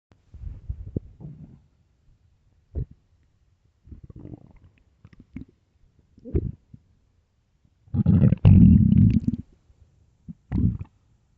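Irregular deep gurgles and rumbles, with one long loud growl, from an empty stomach: normal bowel sounds of hunger.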